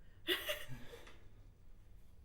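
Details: Adult woman who has allergies gives a single sharp, voiced sneeze followed by a brief fading breath in a quiet small room; sneezing.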